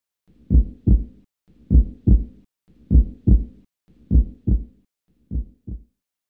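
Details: Dramatized fetal heartbeat in the womb from a drama trailer: slow, regular paired thumps, about 55 beats a minute; simulated fetal heartbeat.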